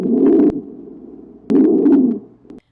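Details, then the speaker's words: Stridor from obstruction at the level of the larynx, heard as two harsh, low-pitched, musical breath noises with a pause between them. "Los estertores secos dan indicios de obstrucción. Si ésta se da a nivel nasal o laríngeo, se da cornaje y estridor respectivamente."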